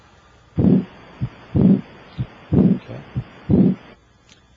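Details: Steady heartbeat at about 60 a minute, heard over the aortic area through an electronic stethoscope with the patient sitting up, leaning forward, breath held after full exhalation; clear paired first and second sounds, no aortic regurgitation murmur.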